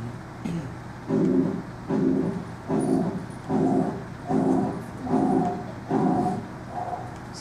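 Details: Regurgitant pansystolic murmur: a regular heartbeat near 75 a minute, lub-dub still audible, with a steady whooshing murmur filling all of systole.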